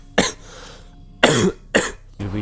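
Three short, sharp coughs in quick succession, followed by the start of a voiced sound; a plain cough.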